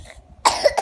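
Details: A single short cough burst from a child; cough.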